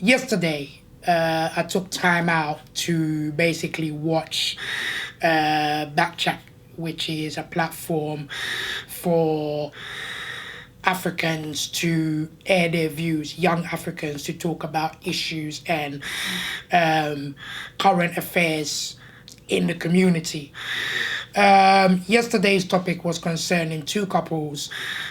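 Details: Adult man born six months premature with a narrow, obstructed airway, living with a permanent tracheostomy tube, audibly gasping for air while talking: tracheostomy voice (airway obstruction).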